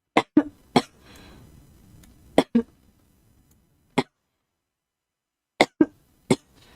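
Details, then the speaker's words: About nine short, sharp, dry coughs in clusters from a girl with persistent coughing, who wonders if it is vocal cord nodules; repeated coughing. "아 아니 기침이 너무 나오네."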